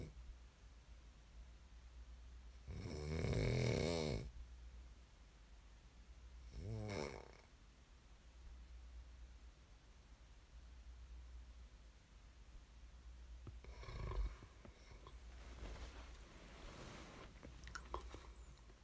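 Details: Snoring ASMR recording: two loud, rattling snores on breathing in, then quieter breath sounds over a steady low room hum; ordinary snoring during sleep.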